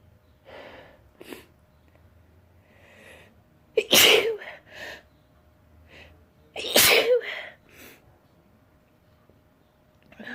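Two loud, sharp sneezes, each preceded by quick indrawn breaths, in a quiet room.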